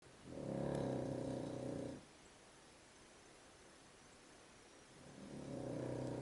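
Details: Dog snoring loudly in sleep: a long, rattling, low snore on each breath in, with a quiet pause between.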